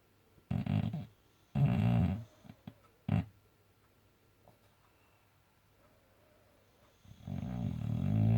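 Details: Snoring boxer dog: loud, low, rumbling snorts in irregular bursts separated by quiet pauses.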